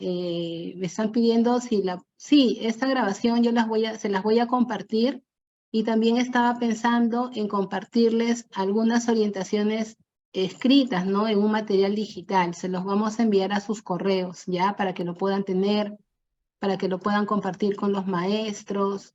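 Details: Adult woman speaking Spanish; ordinary speech.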